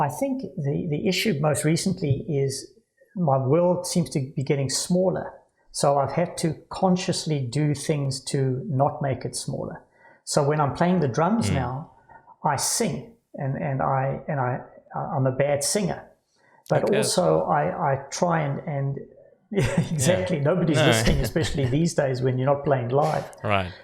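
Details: Adult man with Parkinson's disease diagnosed about 10 years earlier at age 49, now with cognitive decline, word loss, stammering and occasional slurring; hypokinetic dysarthria (Parkinsonian speech) with word repetitions.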